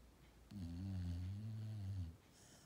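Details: Sleeping Golden Retriever, tired after hard work: a single long, low, steady, deep rumbling snore in a quiet room.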